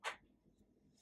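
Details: TMS training demonstration on a real patient, motor threshold localization, coil at first location, angle 0: a single sharp click of the magnetic coil delivering one pulse, felt as a light tap, followed by quiet.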